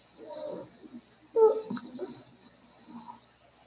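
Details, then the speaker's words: Two-year-old child with massive bronchial obstruction unresponsive to inhaled salbutamol, ipratropium and rectal prednisone: noisy breathing with high musical whistling tones, pronounced wheezing audible without auscultation; wheezing. "a two-year old child came to our clinic with a massive [Music] bronchial abstraction and pronounced vising"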